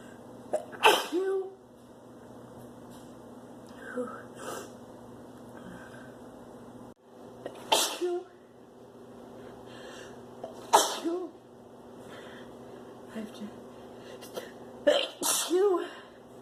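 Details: Woman with spring pollen (flower) allergy sneezing: four sharp sneezes a few seconds apart with quiet room noise between; repeated allergic sneezing.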